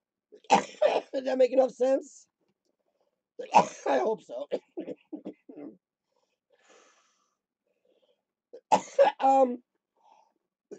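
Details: Three bouts of harsh, rough coughing with voiced tails and pauses between, during lower-lobe chest therapy for cystic fibrosis with a rattling chest; productive cough.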